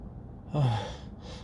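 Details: Male attempting announcement sneezes: one quick, sharp, slightly voiced in-breath, like the gasp before a sneeze; gasping.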